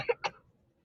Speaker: Uh oh. I heard a cough. You heard that cough? Did you just hear that cough? I heard that cough.